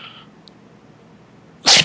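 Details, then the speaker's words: A single sudden, sharp, hissing sneeze from a dog in a quiet room, after its owner repeatedly asked it to do a big sneeze for a treat. "Oh, that's a big one, boy."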